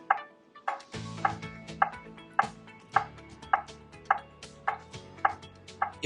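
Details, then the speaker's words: ZOLL AED 3 demonstration after no shock is advised: prompt to start CPR and push to match the tone, with regular beeping at about 105 a minute over rhythmic compression thuds; CPR metronome tone. "the Z aed3 can see if CPR has begun and will continue to prompt The Rescuer to start CPR noock advised start CPR push to match the tone"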